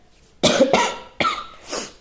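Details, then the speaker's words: Two to three short, harsh, throaty coughs in quick succession from an adult with a heavy cold and cough, fever already gone; cough. "నేను కొంచెం బాగా జలుబుతో ఇబ్బంది పడుతున్నాను. Course దగ్గు కూడా ఉంది."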